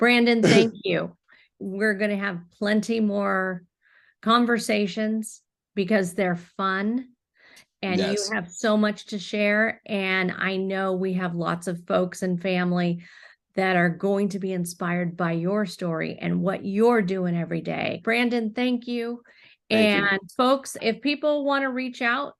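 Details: Adult woman speaking; Normal adult speech.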